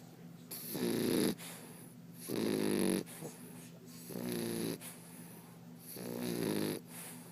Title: English Bulldog, Turk Snoring